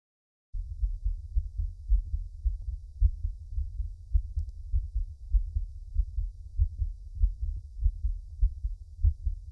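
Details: A man's own heartbeat recorded for ASMR relaxation: a deep, steady, normal lub-dub with muffled thumps at roughly 50 beats a minute.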